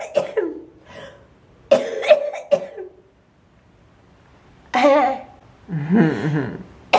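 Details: Woman with cystic fibrosis, cold outdoor air triggering the episode: repeated harsh, forceful coughs in several bursts with short pauses, some sounding wet.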